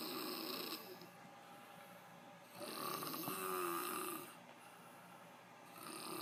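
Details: Adult man (the uploader's father) snoring: two rough, rattling snores on breaths in, separated by quiet breathing out, with hissy background noise.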